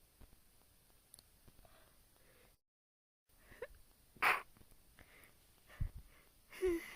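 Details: Sharp sneezes, one loud, with quiet breaths and a gasp between; self-induced repeated sneezing, recorded on a phone; sneezing.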